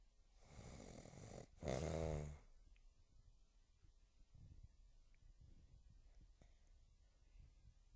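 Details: One loud, rough, low-pitched snore on a breath in from an adult man (a dad) recorded covertly while asleep, followed by quiet breathing and soft room noise; snoring.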